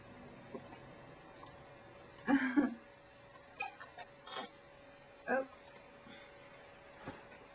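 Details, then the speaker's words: Infant hiccups in a baby boy who is also spitting up: several brief, abrupt catching sounds, one louder with a gurgle, against quiet room hum. "oh now he's got hiccups I'm puking at the same time"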